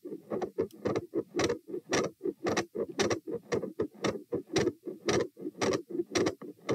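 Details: Heart auscultation at position T during a stress test (lying, sitting, standing, knee bends, standing, lying) at 84–120–96 bpm, getting louder: fast, loud, regular beats with a split second sound, murmur changes and extra sounds.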